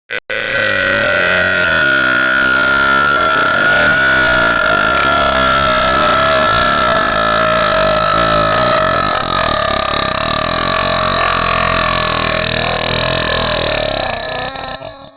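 One very long, loud, sustained voiced belch lasting about fifteen seconds, with a steady rumbling tone; prolonged burp.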